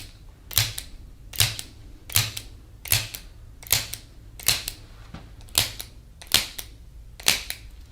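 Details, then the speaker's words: Ten sharp snapping clicks at about 79 a minute, each a quick double snap: a chiropractor's spring-loaded adjusting instrument firing repeatedly on the right side of a woman's rib cage. "re this is just a spring-loaded instrument that helps us adjust"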